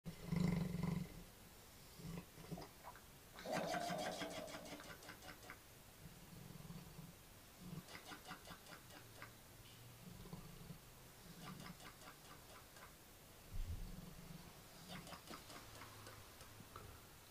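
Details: Low, rattling, bubbly wet-sounding snores recurring with each breath, some louder snorts, in a sleeping adult; snoring.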